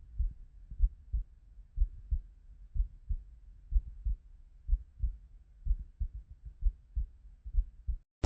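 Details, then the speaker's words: Normal heartbeat recorded with a phone held on the chest: steady, low thumping at about 62 beats a minute. "if you record a video through TikTok, you can actually listen to your heartbeat. Do you guys want to hear my heart?"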